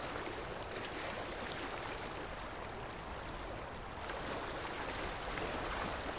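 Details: Steady hissing spray and suction of an ultrasonic dental scaler with water jet during dental tartar (calculus) removal by a dentist.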